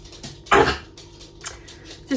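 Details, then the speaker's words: Female dog on a half steroid every other day for a cough, recently seen by the vet: one sharp, harsh cough with a couple of fainter huffs in a quiet room; dog cough. "Just been to the vet with Patty, because she takes like a wee half steroid every other day for a wee cough thing."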